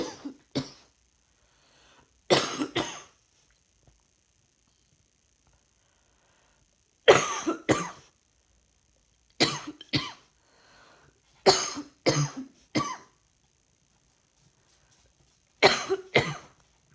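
Repeated short bursts of dry-sounding coughing, mostly in pairs, about a dozen coughs with quiet gaps between bouts and a faint steady hum.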